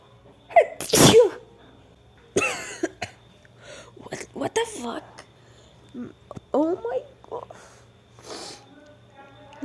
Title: 21 RAPID SNEEZES ▶️▶️▶️ (F)